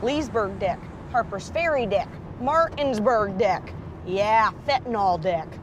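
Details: 21-year-old woman with severe Tourette syndrome and obsessive-compulsive disorder producing involuntary vocal tics, including swearing and repeated words; Tourette syndrome vocal tics (coprolalia).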